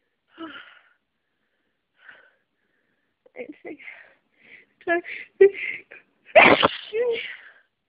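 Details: Sneezing fit with a cold: a run of short breathy catches and sniffs builds to one forceful sneeze near the end, one of repeated sneezes.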